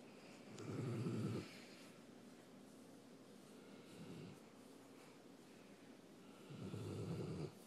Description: Kodi, My 4 yr old greater Swiss mountain dog snoring while napping and getting pets :)